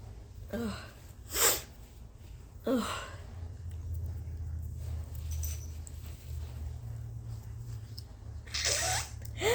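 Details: High, strained gasping buildups before several loud, forceful sneezes with snuffly breathing between, from someone with allergies, congestion, an itchy irritated nose and throat, and near loss of voice for about 4 days.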